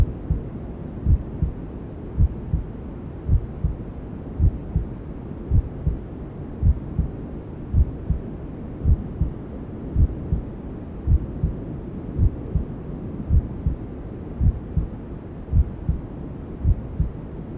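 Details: Newborn sleep-aid womb sounds: steady, muffled double thumps at about 54 beats a minute over constant white noise hiss, a mother's heartbeat as heard from inside the womb.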